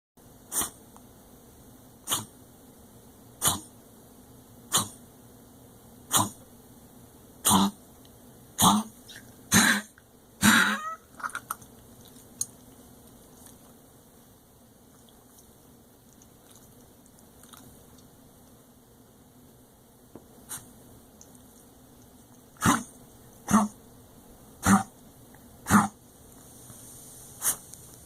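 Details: Dog with a very bad cough, vet-diagnosed as asthma and treated with a steroid and bronchodilator; owner suspects congestive heart failure; swollen abdomen, trouble getting up, limping on front legs; two bouts of harsh repeated coughs, about fourteen in all.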